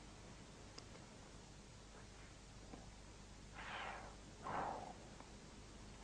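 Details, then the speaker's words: Vesicular breathing heard by stethoscope auscultation over normal lung areas, arising during inspiration and the first third of expiration from vibration of the alveolar walls; a normal breath sound. "в норме на саммит речными участками легких выслушивается везикулярное дыхание напоминающие звук она возникает во время вдоха и в первую треть выдоха вследствие колебаний альвеолярных стенок"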